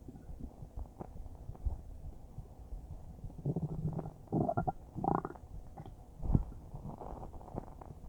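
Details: Normal bowel sounds recorded about a minute after eating a huge bowl of spaghetti: low bubbling gurgles and squelching rumbles come and go over several seconds, with a few louder bursts.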